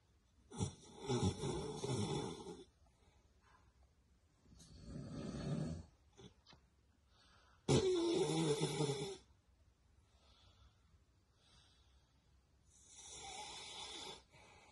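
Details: Beagle dog snoring very loudly while asleep: loud, harsh rattling snores on the in-breath separated by quiet pauses. Heavy snoring.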